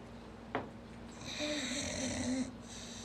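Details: Someone fast asleep and snoring: one drawn-out, rattling, whistling breath during sleep over a steady low room hum; snoring.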